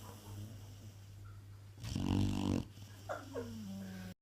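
A single loud, rough, low snore on the in-breath from a sleeping dog, over steady room hum.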